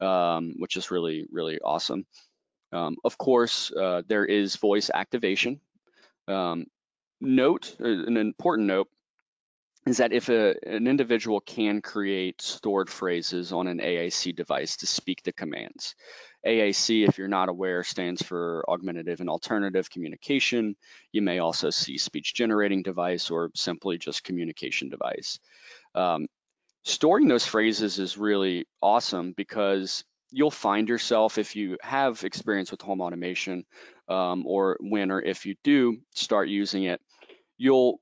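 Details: Adult male speaker; normal speech.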